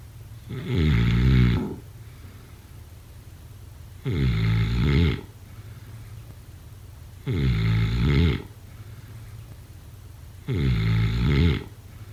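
Four loud, buzzing snores on inhalation, evenly spaced about every three seconds, with quiet breathing between; regular snoring, roughly 19 breaths a minute.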